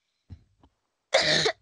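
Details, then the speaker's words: Adult with a hoarse, broken voice while gaming: two faint throaty catches, then one loud, harsh cough burst; cough. "Là j'ai la voix cassée, pardon."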